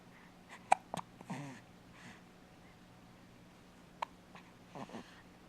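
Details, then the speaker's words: Baby with hiccups, seemingly surprised by them: several short, abrupt catch sounds at irregular intervals over quiet room noise. Hiccups. "Oh Oh little baby hiccups oh we felt your hiccupping just like this and you're still in mommy's tummy"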